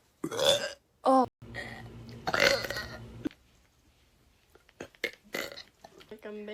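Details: Burps from a burp compilation: several loud, drawn-out belches with a little speech between them; burping.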